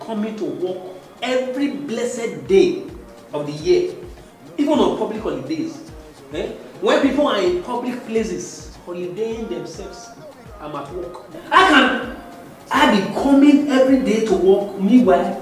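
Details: Adult man, acted comedy scene; typical speech.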